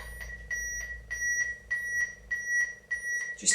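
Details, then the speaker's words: Training AED during simulated cardiac arrest CPR, after a delivered shock failed and the device advised two minutes of CPR: steady metronome bleeps at about 100 a minute pacing chest compressions. "that bleep is quite useful that will keep going and it keeps me in time with my CPR so that is great"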